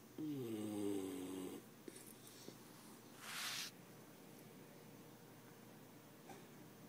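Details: Small dog that dozed off in the owner's lap with its neck across an arm: one unusually loud, tonal, whistling snore on a breath, then a soft airy breath sound in a quiet room; snoring.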